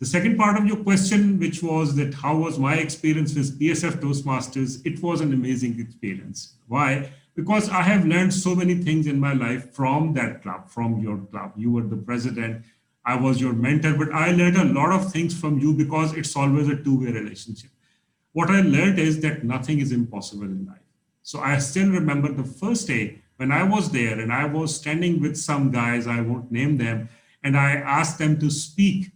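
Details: Adult man speaking; Normal fluent speech.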